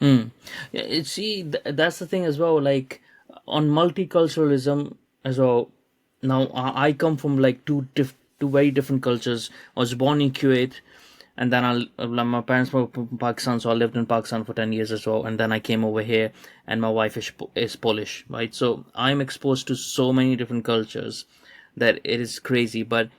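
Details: Adult man speaking; typical speech.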